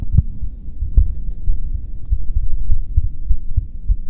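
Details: Soft, regular low heartbeat thumps, about 70 beats a minute, with a faint steady hum behind; ASMR heartbeat and breathing recording for sleep.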